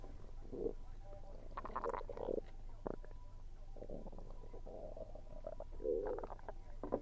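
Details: Stomach rumbling while eating, which the person links to low atmospheric pressure: repeated gurgling and rumbling bursts from the abdomen with faint chewing noise; active bowel sounds (borborygmi) during a meal.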